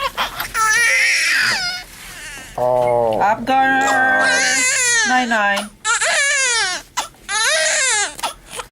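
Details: Female newborn just delivered after a 38-week induction: repeated loud, strong cries, with soft adult voices and quiet music behind.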